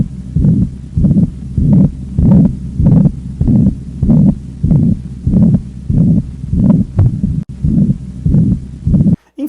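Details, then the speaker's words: Regular heartbeat near 98 per minute from a heart auscultation lesson: a harsh, noisy murmur filling each beat, from a ventricular septal defect (interventricular communication); ventricular septal defect murmur. "como por exemplo o som causado pela abertura do septo interventricular, que a gente chama então de comunicação interventricular ou doença interventricular."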